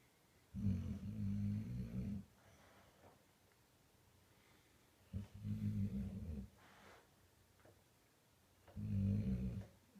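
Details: 3.5-year-old Old English Bulldogge, sleeping, recorded on an iPhone 5S: loud, low rattling snores, three long breaths in about ten seconds, with quiet pauses between; ordinary snoring.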